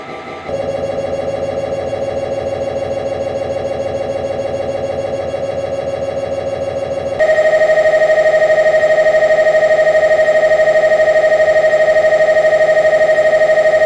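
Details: Loud, steady, rapid mechanical buzzing shifting to a higher, louder drone partway through, as electricity passes through internal parts of an MRI scanner; MRI scanner noise.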